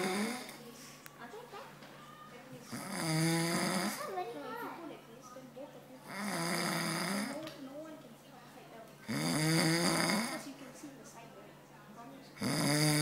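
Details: An adult man (a father) snoring during sleep: loud, rattling snores about every three seconds, roughly 19 a minute, with quieter breathing and faint room talk between them.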